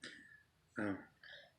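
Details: Infant girl burping: a short, low, voiced gulping sound with soft fainter noises before and after in a quiet room.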